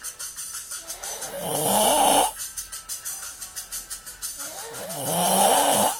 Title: Snoring Man HD